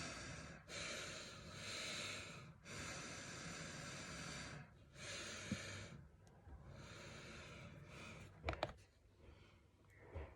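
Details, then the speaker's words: Adult with mild obstructive sleep apnea wearing a CPAP nasal mask: soft rushing air rising and falling with slow, steady nasal breaths as the machine turns on and delivers airflow. "It started turning on because I'm pushing air through my nose. So now I've got air coming through there."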